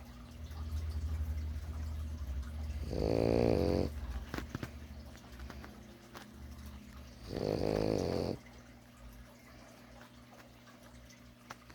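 Two loud, rattling snores about four seconds apart, with quiet breathing between; a napping puppy snoring.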